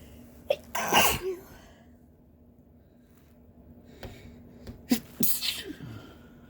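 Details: Two deliberately provoked sneezes from a couple: each sharp and explosive with a quick inward gasp first, separated by a few seconds of quiet room.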